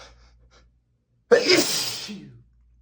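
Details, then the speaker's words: Adult male with dust allergy sneezing while reading aloud from a dusty book, apologising first: a single loud explosive sneeze with a short breathy tail after a quiet pause. "In addition to all of this, oh my god, sorry I have to sneeze."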